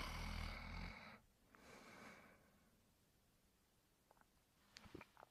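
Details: Spike during sleep: a loud rumbling snore, a softer snoring breath, then quiet with a few small snuffles; ordinary snoring.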